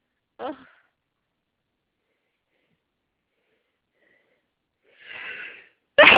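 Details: Morning hay fever sneezing fit before the daily antihistamine, which the person blames on pollen: a short burst, a drawn-in breath, then the start of another sharp burst; repeated sneezing from allergic rhinitis.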